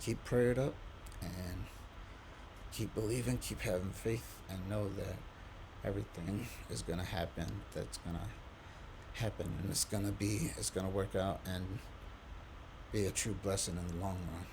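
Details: Adult man, quadriplegic from a C1-C2 spinal cord injury, breathing with a diaphragmatic pacer at 18 breaths per minute; he can speak only on exhalation, with pauses and difficulty producing certain words; breath-limited speech with diaphragmatic pacing.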